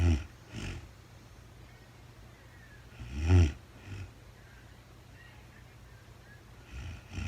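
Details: Real-time sleep recording of a woman snoring, no talking: deep, rumbling snores a few seconds apart with quiet gaps between; ordinary snoring.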